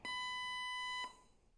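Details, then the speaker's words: Zoll AED 3 training unit: one steady high-pitched one-second alert beep after the voice prompts "Analyzing. Shock advised. Don't touch patient." "Don't touch patient. Analyzing. Shock advised. Don't touch patient."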